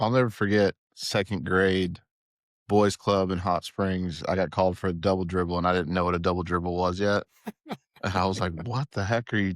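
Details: Adult man speaking; Normal speech.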